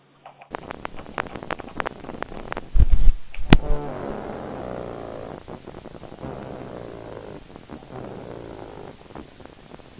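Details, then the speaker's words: Needle EMG of resting, non-activated thigh and deltoid in a man with necrotizing autoimmune myopathy: crisp repeated clicks and a steady buzz, myotonic discharges, complex repetitive discharges and fibrillation potentials. "so what do you have here on the first recording of those five myotonic discharges and on this recording has lots of irritability that includes crds and fibrillation potentials"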